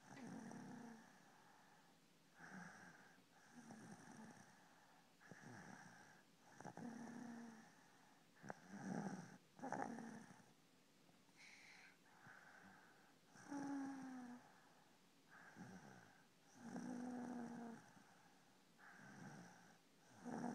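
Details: Repeated rattling snores with whistling tones, about 10 in 20 seconds, roughly 30 breaths a minute, from a sleeping dog. Snoring.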